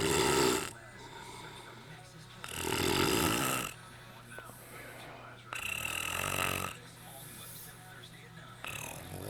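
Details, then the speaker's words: Sleeping adult man snoring for an hour: loud, rasping snores with each inspiration, about 20 a minute. His mouth and nose are briefly covered, pausing the snoring before it resumes. "He's just gonna stop for a second and then start snoring again."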